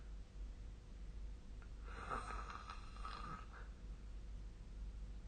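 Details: Snoring during sleep recorded with the SnoreLab snore-tracking phone app: one soft rattling snore on a breath, about a second and a half long, over steady room hum.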